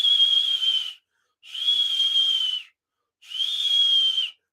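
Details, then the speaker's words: Three high-pitched whistling bursts with pauses, like a hot tea kettle, instead of the normal low continuous whoosh heard with a stethoscope bell over a dialysis AV fistula or graft; a whistling bruit that may signal stenosis. "now if you hear what sounds more like a pounding pause or a whistling noise like a hot tea kettle"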